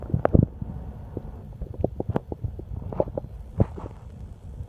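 Irregular low gurgles and rumbles over several seconds; stomach growling from hunger.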